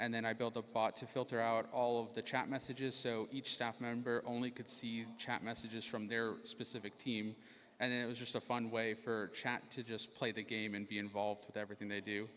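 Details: Adult male speaker; ordinary speech.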